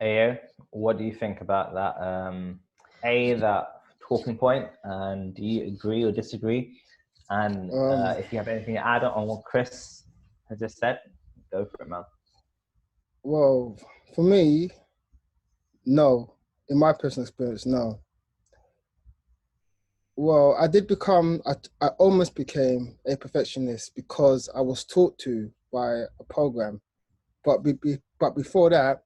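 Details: Adult man who stutters, hosting a podcast run by people who stutter; stuttering.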